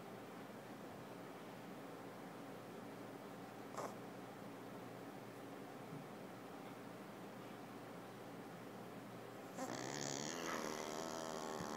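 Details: Steady, rough, fluttering snore from a pug dog continuing without pause, with a brief click and a louder noise near the end: dog snoring.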